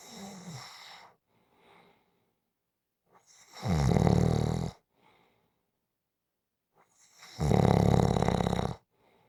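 Loud, deep rattling snores on each in-breath with quiet breathing out between, about one breath every 3.5 seconds; heavy adult snoring.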